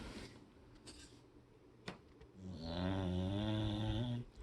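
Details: Quiet breathing, then one long, loud, rumbling snore lasting nearly two seconds from an old rescued beagle sleeping comfortably; he was found on the street with a knot on his head that a vet treated.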